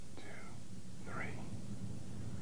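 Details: Stethoscope auscultation of the posterior chest while the patient whispers "one, two, three": faint, muffled, indistinct syllables over a low rumble, a normal result without whispered pectoriloquy; physical examination teaching demonstration.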